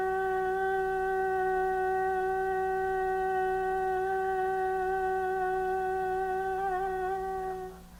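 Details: Young female with normal-looking vocal folds and a normal mucosal wave on stroboscopy, with a small, normal amount of mucus; normal voice (sustained phonation during stroboscopy).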